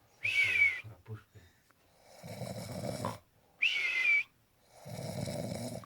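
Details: Alternating high whistling breaths and low rough fluttering breaths in a repeating cycle; whistling snoring during sleep, called the best snorer.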